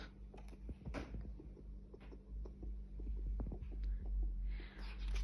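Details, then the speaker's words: Fast, soft pulsing thumps of an unborn baby's heartbeat, recorded from a pregnancy ultrasound and played back over a small speaker in a sound photo album; fetal heartbeat on Doppler ultrasound. "Et ici on entend les sons des battements"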